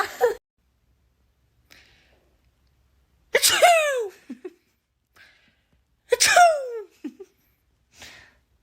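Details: Two loud, exaggerated voiced sneezes with a clipped burst at the start, deliberately acted for comic effect.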